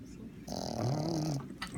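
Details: Small dog snoring, usually not this loud: a single loud, rough, snorting inhaled snore lasting about a second, with a low rattling tone.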